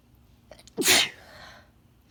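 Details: Female with a bad cold or sinus infection trying to stifle intense sneezes: a couple of quick catching breaths, then one forceful, harsh sneeze with a trailing breathy release.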